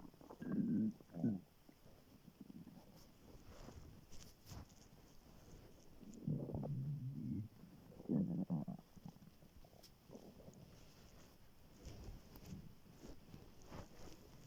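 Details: Low, gurgling stomach growls in several bursts between quiet stretches, recorded in the morning right after waking while very hungry, before breakfast: normal hunger-related bowel sounds (borborygmi).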